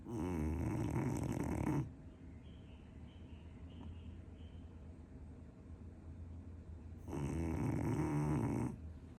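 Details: Dog Loki snoring in sleep: loud, rattling snores on the in-breath about seven seconds apart, with quiet breathing between.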